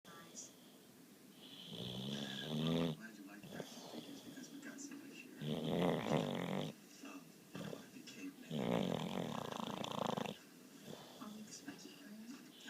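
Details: Sleeping dog snoring while dreaming: rough, rattling snores on breaths in and out, with soft whimpers between them; ordinary snoring.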